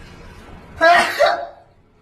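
A single loud adult sneeze: a sharp breathy burst with a voiced 'choo' that quickly fades.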